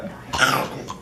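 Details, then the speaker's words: A single harsh, noisy cough from a child in a small quiet room, described as a bad cough. "oh my goodness do you have a bad cough that's a terrible cough"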